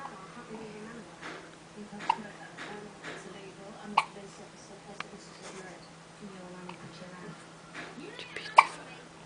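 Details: Brief sharp hiccup clicks recurring every few seconds over quiet background talk and room noise; hiccups.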